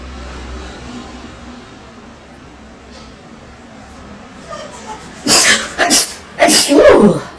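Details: Girls sneezing during COVID-19 nasal swab self-tests, a sneezing compilation; several quick explosive sneezes in a row after a quiet stretch, a reflex sneezing burst, with faint music behind.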